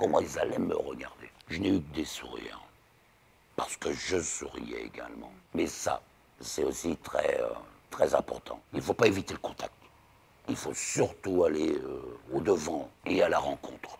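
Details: Man aged 59, laryngectomy for laryngeal cancer, relearned speech after 3 weeks of rehabilitation, ongoing speech therapy for intonation, cannot laugh aloud; alaryngeal speech after total laryngectomy.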